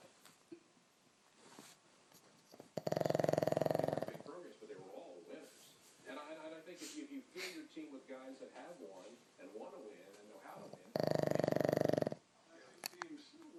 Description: Our black pug snoring in his orange night shirt.